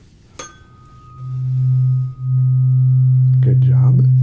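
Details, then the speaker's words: A sharp strike followed by a steady, pure, sustained ringing tone: tuning fork struck for a hearing test, patient signals when it can no longer be heard, each side tested; acted ASMR cranial nerve exam roleplay. "i'm just going to hit it and you're just going to let me know the second video he can hear it okay good job good job and let me know when you can no longer hear it"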